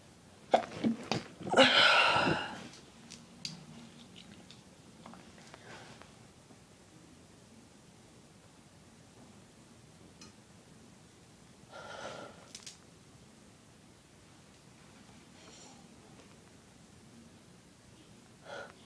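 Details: Someone with a really tickly nose takes a few quick catching breaths that build into a forceful sneeze, then quiet sniffing and a smaller sneeze-like burst: sneezing.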